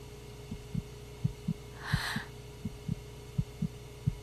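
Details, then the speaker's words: Rhythmic whooshing thumps over a low hum from a pregnancy ultrasound in a TV drama scene, with the doctor saying the baby has no problems; fetal heartbeat on ultrasound, dramatized. "latidos así es de su corazón este bebé no tiene ningún problema no hay nada de qué preocuparse"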